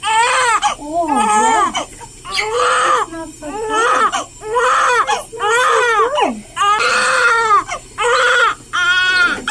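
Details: Repeated loud, high-pitched crying bursts with brief pauses from a 13-hour-old newborn girl during her first sponge bath by a nurse in hospital; an ordinary healthy newborn cry, real, not reborn doll.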